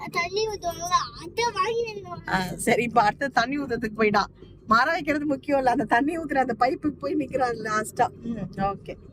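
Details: Adult speaker; no speech disorder.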